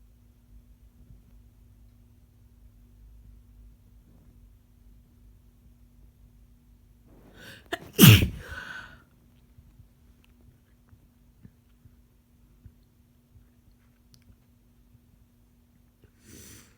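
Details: Person who is sick again, as are many people around them, amid changeable weather: one loud sneeze with a brief indrawn breath before it, quiet room with faint steady hum; sneezing with a cold.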